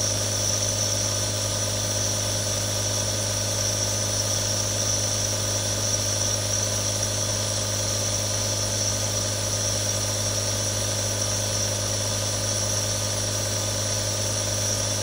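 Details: Real recording of three different nebulizers running: a steady mechanical hum and buzz with a constant, unchanging hiss as the nebulizer compressor runs continuously.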